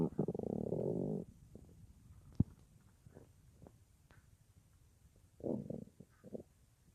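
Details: At night, lying on left side, about an hour after soup with little else eaten that day; phone in front of or mic pressed against belly; short gurgling rumbles and squelches, clock ticking; normal bowel sounds.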